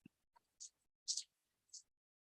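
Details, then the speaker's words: Simulated cochlear implant hearing via noise vocoding: faint, hissy, whisper-like bursts in a speech rhythm with no clear voice, a degraded version of the sentence "a bicycle has two wheels." "a bicycle has two wheels and that's the clear version of it so hopefully this gives you a sense of the challenge of listening with a cochlear implant um and the potential impact on speech recognition and processing"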